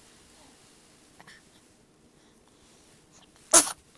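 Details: One short, sharp, explosive sneeze near the end of a quiet room recording; sneezing.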